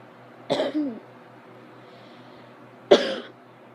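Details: Person with a cold, sneezing, blowing nose and with watering eyes: two short explosive bursts about two seconds apart, quiet room between; coughs with a cold.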